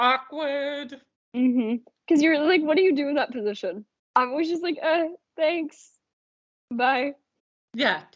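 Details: Adult woman; ordinary speech.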